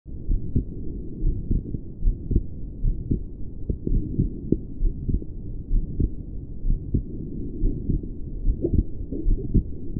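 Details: Male heart recorded at the pulmonic area during a couple of pushes (older recording): muffled heartbeat with low hum and odd faint extra sounds after some beats, especially after releasing each breath; uncertain murmur or split.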